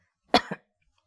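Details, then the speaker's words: A single imitated adult cough with two quick bursts, muffled into the elbow, demonstrated during a lesson on coronavirus vocabulary; cough. "C'est une toux. Comment pouvons-nous dire cela, comment pouvons-nous utiliser cela dans une phrase? Il tousse."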